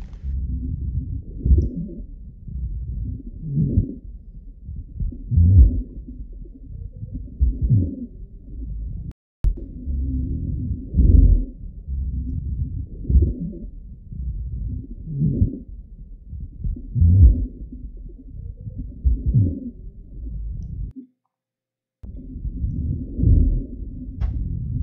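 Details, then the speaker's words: Elderly Parkinson's disease patient with pneumonia who cannot cough up sputum: low, coarse rattling gurgles with every breath, rhonchi from secretions in the larger airways. "지금 듣는 소리는 고령의 파킨슨병 환자의 숨 소리고 폐렴이 있고 가를 잘 뱉지 못해서 숨실 때마다 계속 그르릉 그르릉 하는 소리가 나는 것입니다"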